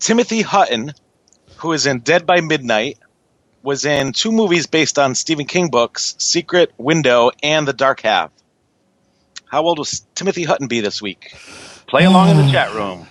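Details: Adult male speaker; normal speech.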